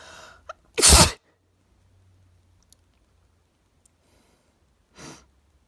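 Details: Allergy sneezes onto a mirror: sharp inhaled build-up, loud explosive burst, then a softer second sneeze a few seconds later.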